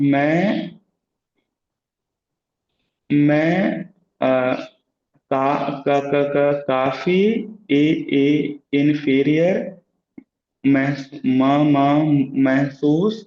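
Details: Adult who stammers speaking during a voluntary stammering practice circle, partly in his own language; stuttering with part-word repetitions.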